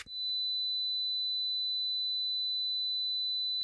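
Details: Tinnitus simulation.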